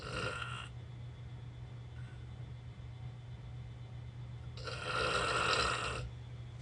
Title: 旅先でであったひどいいびき/terrible snoring